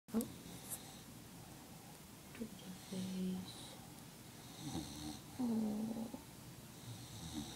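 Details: Dog snoring while asleep in its owner's lap: several soft, slightly whistling snorts and snores a few seconds apart in a quiet room.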